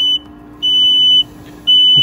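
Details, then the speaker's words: Loud, repeating high-pitched beeps, each about half a second long, from a NIPPY 3+ home ventilator alarming after disconnection from mains power to signal it is running on battery. "disconnect the machine from the main source like so the machine will alarm to tell you it's running on battery"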